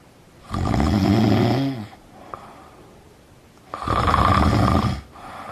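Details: Parents snoring during the night: two loud, rattling snores about three seconds apart, with quiet pauses between breaths.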